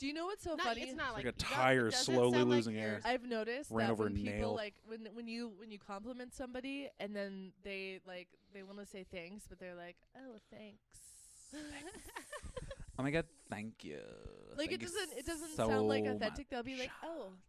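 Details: Adult woman speaking conversationally; no speech disorder.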